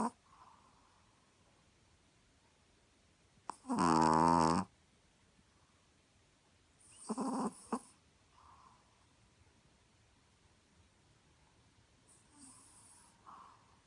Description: Chihuahua Nicky snoring